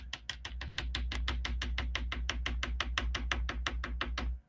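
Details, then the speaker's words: Heart sounds in a patient with heart disease, illustrating that first and second sounds can be indistinguishable, in a mitral valve disease lecture: rapid, closely spaced sounds over a low hum, S1 and S2 not separable. "Tan no es verdad que uno a veces cree que está escuchando pum pa y lo que está escuchando en un paciente con una cardiopatía es"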